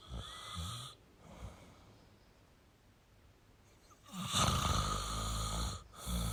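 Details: Snoring in a sleeping male: loud, rough, rattling breaths separated by quieter pauses, with a low steady room hum.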